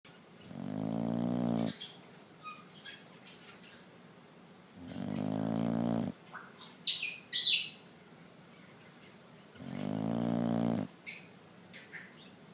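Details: Three long, buzzing snores spaced about four seconds apart, with faint bird chirps behind; ordinary snoring.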